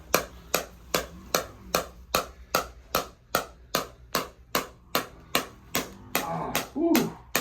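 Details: Radial shockwave therapy on an adult male runner's left SI joint, hip and low back in his second session. He has a history of nerve damage and left hip problems since youth. Sharp, evenly spaced handpiece clacks at about 2.5 per second, with a brief hiss.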